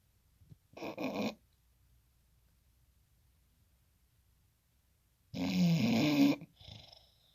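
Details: A bulldog snoring while asleep: two snorting, rattling breath sounds separated by a long quiet pause.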